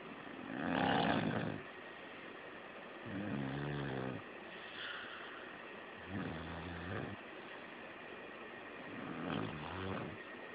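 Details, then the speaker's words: A sleeping female snoring so loudly it could be heard from the front porch over the air conditioner: heavy, rattling snores on breathing in, roughly 20 a minute, over steady room hum. "No, she's snoring. Hope you can see me. Check it out. It's so loud, I was able to hear it out there on the front porch area."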